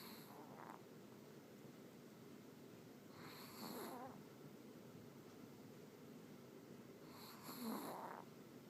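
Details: Dog that snores loudly, snoring in sleep: soft, rough snoring breaths about every four seconds, roughly 15 a minute, against steady room noise.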